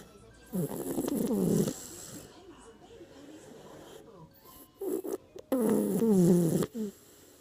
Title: Snoring Toddler